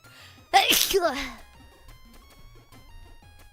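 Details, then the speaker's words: A single sharp, voiced sneeze from an adult woman, one of a run of five, with soft video-game music behind it during a live stream; sneeze. "The five sneezes. I didn't hear it. I was concentrated on not dying, not having a heart attack while I sneeze."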